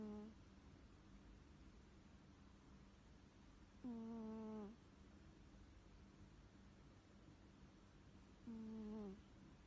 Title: CUTE CAT that SNORES 🤔